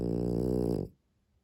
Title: I love her cute snoring 😴 💤 My sleeping dog Ariva